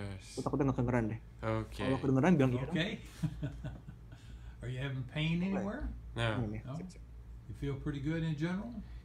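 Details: Patient with a lesion in Broca's area who understands everything but searches slowly for words, may produce wrong words and knows they are wrong; Broca's aphasia.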